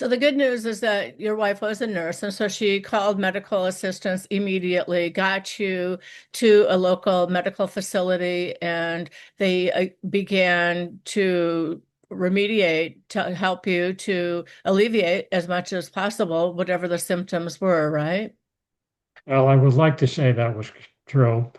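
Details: Adult woman speaking, with a brief second voice at the end; normal speech.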